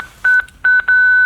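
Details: Monitor-defibrillator in AED mode with pediatric and adult settings: repeated high electronic beeps running into a steady tone, the charging alert as energy builds for a shock.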